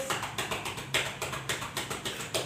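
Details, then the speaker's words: Chest physiotherapy on a 9-year-old child, nursing demonstration to loosen secretions: rhythmic hollow chest percussion claps, about four per second, before effective coughing. "Oh maaf ya kak saya ketuk ya biar terus"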